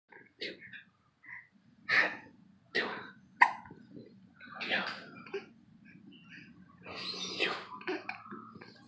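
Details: A 3-month-old baby boy with hiccups: short, abrupt catching sounds recurring about every second between breaths, in a quiet room.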